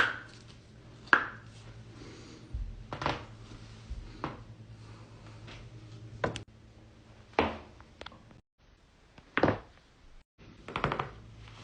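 Series of sharp, brief pops and cracks from joints, typical of joint cavitation.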